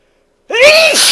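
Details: Male adult with allergies in a sudden sneezing fit, recorded from about the 7th sneeze, turned away from the microphone: one loud, explosive sneeze after a brief silence, part of a longer sneezing fit.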